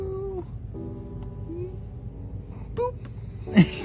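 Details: A pet dog gives a single loud, sharp, quick sneeze when her owner taps her nose, over soft background music; sneeze.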